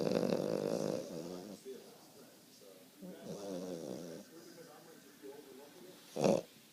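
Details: Late-night snoring: loud rattling breaths while asleep, with quieter snores between and a short sharp snort near the end.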